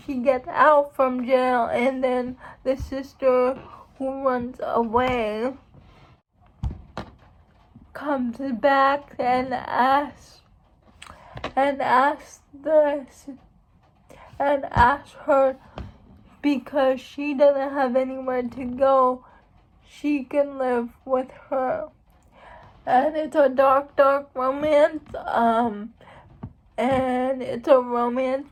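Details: Female speaker who states she has cerebral palsy, real condition; speech in cerebral palsy (dysarthria).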